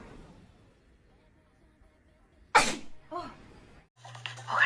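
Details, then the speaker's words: Girl's allergy sneeze: in a quiet room, a single sharp, explosive sneeze followed by a brief gasp and soft vocal sounds. "I just sneeze okay"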